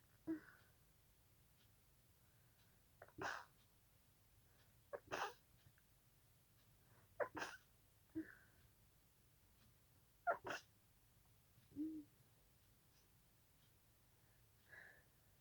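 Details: At night, after a nose itch, a person in a quiet room has a sneezing fit, stifling about six sharp, muffled sneezes, some closely paired.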